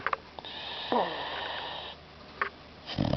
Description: Louis the Lucky Boxer mix snores like a king